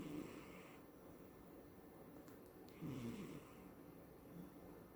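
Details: Female cat, 17 at recording, dreaming, snoring and twitching in sleep: soft, low, rasping light snoring on two breaths in a quiet room.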